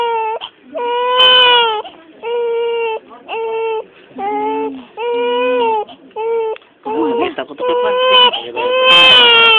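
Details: Newborn baby crying in hospital, skin noted as very red: loud, repeated high-pitched wails with short breaths between them; an ordinary newborn cry.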